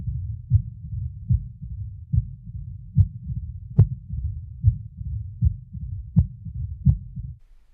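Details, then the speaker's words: Mid-diastolic murmur of mitral stenosis: regular heartbeat near 75 a minute with a low rumbling murmur starting a short time after S2, possibly following an opening snap, filling diastole. "a mid diastolic murmur as in mitral stenosis starts a short time after s2 and may follow an opening snap"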